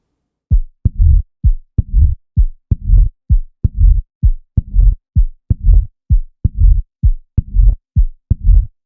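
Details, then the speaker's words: Regular heartbeat about 65 a minute with a blowing holosystolic murmur filling systole, loudest at the cardiac apex (mitral position); mitral regurgitation. "the first one was a woman with rheumatic heart disease and a holistic murmur in the mitral position that's my true regurgitation"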